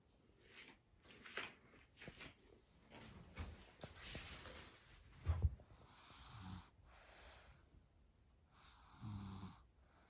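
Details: Light, irregular snuffly snoring with noisy breaths and a few snorts from a sleeping baby girl (infant/toddler); snoring.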